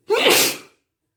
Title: wet sneezes on a 💿